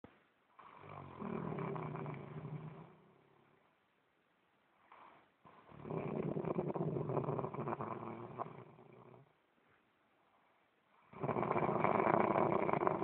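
Long, loud rattling snores on each breath with pauses between, about five breaths a minute: snoring.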